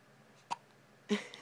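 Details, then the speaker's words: Baby girl, 1 week and 1 day old: two abrupt little hiccups less than a second apart, with a faint voiced catch on the second; newborn hiccups. "My poor boo-boo got the hiccups. Say bye-bye. Bye-bye."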